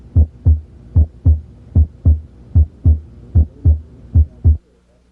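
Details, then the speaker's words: Normal heart sounds, S1 (mitral closure) and S2 (aortic closure), regular paired beats at about 75 per minute, diastole longer than systole, demonstrated during a teaching introduction to cardiac auscultation. "ventricular systole occurs between s1 and s2 ventricular diastole occurs between s2 and the next s1 because diastole usually lasts longer than systole you can identify the two sounds"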